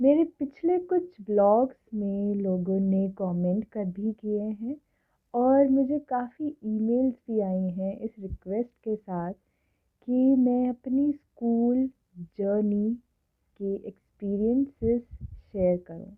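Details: Adult woman who stammers, stammering since her school years or earlier; stuttering.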